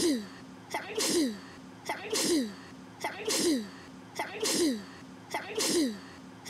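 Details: A sneeze.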